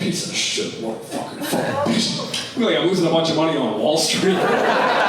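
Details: Tourette syndrome in an adult male comedian, real vocal tics with shouted obscenities; he reports he can sometimes hold or partly suppress them; coprolalia.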